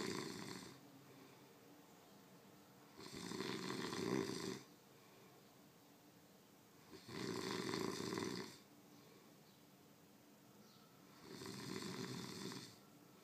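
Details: Person, a roommate, snoring loudly in sleep: loud, rough snores about every four seconds, roughly 15 breaths a minute, with quiet exhalations between.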